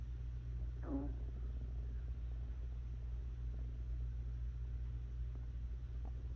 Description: Stomach Growling, ASMR stomach Digestion sounds, Rumbling, Growling Hungry Stomach Sounds.